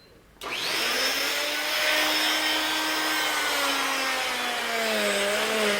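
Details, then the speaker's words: Child with a healed broken wrist has a plaster cast removed with an oscillating cast saw in a hospital; a loud, steady high-pitched whine, noisy but not painful. Cast saw. "now the song makes a lot of noise and wiggles and jiggles and shakes but it doesn't hurt you okay i'll get you to cover your ears"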